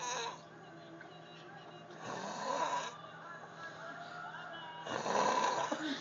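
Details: Snoring during sleep: rough, fluttering snores on each breath with a steady low hum and some background room sound.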